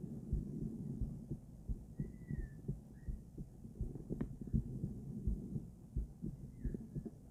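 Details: Female heart auscultated with different stethoscopes at Erb's point, mitral, tricuspid, aortic and pulmonic areas: faint regular lub-dub about 87 a minute with handling noise; normal heart sounds.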